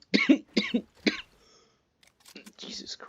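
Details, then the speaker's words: Three quick coughs, a pause, then a shorter cough and throat noise, from a person with a cold. Cough. "yeah no great I might have a tad bit of a cough"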